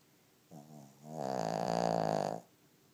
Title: My lil snoring pig